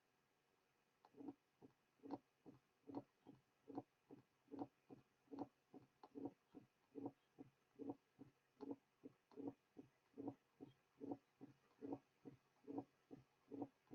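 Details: Simulated heart at about 72 a minute with a short rumble just before the first sound: presystolic murmur of mitral stenosis.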